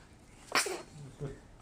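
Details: Baby sneezes with both hands up during play: a single small, sharp infant sneeze followed by a soft breath sound.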